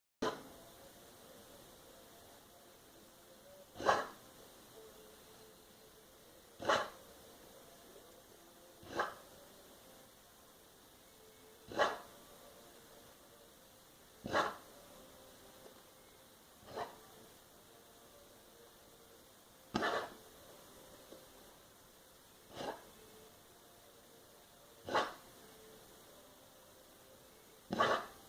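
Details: A dog huffing constantly, worse after eating, with occasional empty vomit-like motions and small spit-ups of food after play; short, sharp huffs or coughs every two to three seconds in a quiet room; repeated huffing or coughing.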